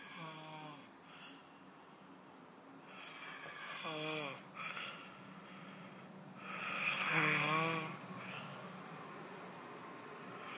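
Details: Weird snoring recorded in Bratislava.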